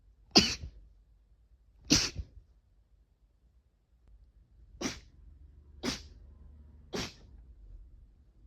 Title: sneeze 51-60